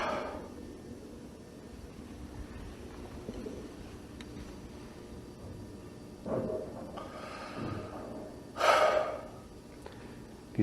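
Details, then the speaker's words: Irregular, widely spaced gasping, snorting breaths in a quiet room, very slow with apnoeic pauses and a quick final breath: agonal breathing, from severe brainstem insult, e.g. after cardiac arrest or embolic event. "then we have uh agonal breathing that's where they are breathing very very slow they have no breaths they're apnic and then they have a quick little breath right at the very end there that's obviously a severe insult to the to the brain"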